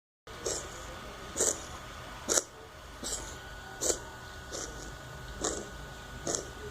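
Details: Cat coughing: eight short, dry, huffing coughs about one second apart, fairly faint over room noise.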